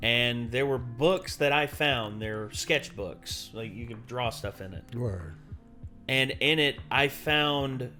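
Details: Adult man speaking; typical speech.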